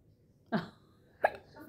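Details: Persistent hiccups that won't stop despite attempts to stop them: two brief, abrupt voiced bursts about 0.7 seconds apart.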